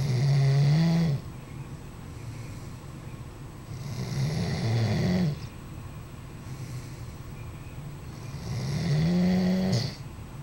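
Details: Snoring in a sleeping Doberman dog: low rattling snores on each breath, about 14 breaths a minute, over a steady background hum.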